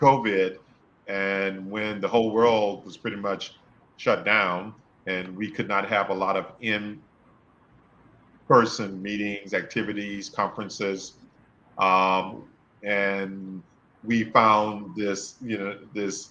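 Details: Adult male speaker; stuttering.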